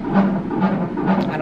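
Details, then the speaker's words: Rhythmic whooshing thumps at roughly 125–130 beats a minute on a fetal heart monitor at 41 weeks of pregnancy, no contractions: fetal heart tones on Doppler monitor. "I'm sorry for the loud noise in the background that's my baby manager"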